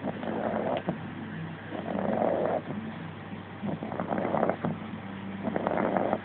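Slow, rumbling, rattly breaths repeat in and out while the puppy sleeps: snoring.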